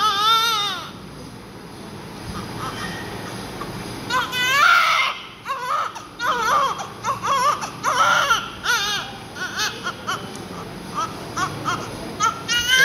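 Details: Repeated high-pitched newborn cries in short bursts, with room noise and background voices, during cleaning of heavy vernix just after birth; a normal newborn cry.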